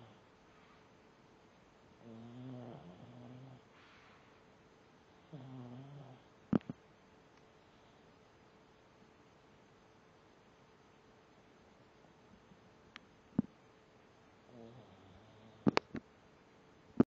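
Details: Sleeping pug snoring: soft, regular rattling snores with quiet pauses and a few sharp clicks in a quiet room; snoring.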